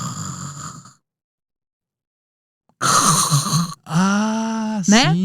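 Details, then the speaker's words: Sleep-disorder doctor imitating a snoring patient who suddenly stops breathing: snoring cuts into silence, then a loud snorting gasp and groan, an apneic pause. "então é aquele paciente que tá roncando e de repente ele para de respirar"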